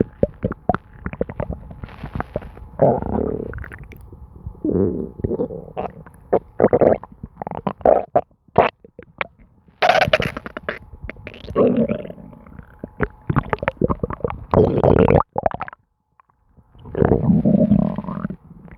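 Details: Person's own constant stomach noises: continuous bubbling, gurgling and squeaking bowel sounds in irregular bursts; borborygmi, a normal digestive sound.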